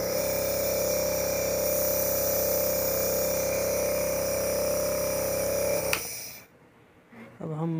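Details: Steady loud motor hum with rapid buzzing pulses from a Dr. Trust Penguin model 403 compressor nebulizer running with distilled water during a demo, then switching off; normal operating sound.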